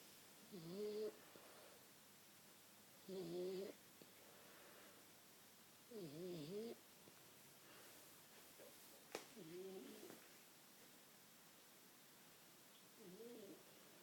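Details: Resting and struggling for oxygen as usual: soft, whistling, wavering snores on each breath, about 23 a minute, quiet room; snoring.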